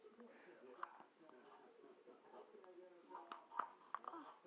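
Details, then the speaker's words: Squeaky hiccups, with her brother audible in the background. "your squeaky hiccups your brother in the background"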